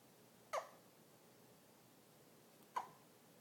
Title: Hiccups suck